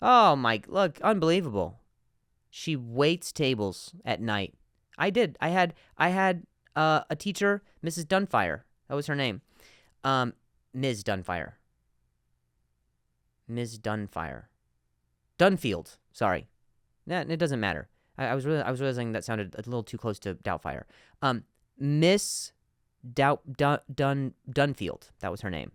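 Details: Adult male podcast host who stutters, with sound and word repetitions in spontaneous speech: stuttering.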